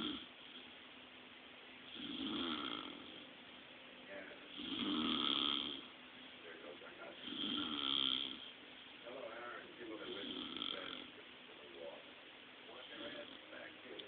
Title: Snoring 101